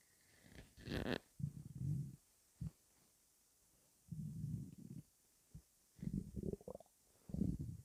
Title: Stomach rumbling (headphones advisable )